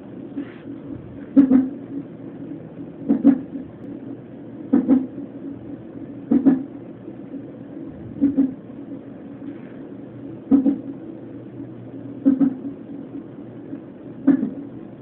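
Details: Fetal hiccups at a 32-week non-stress test: sharp rhythmic jolts about every 1.8 seconds, roughly 34 a minute, over steady fetal heart monitor hum; normal finding.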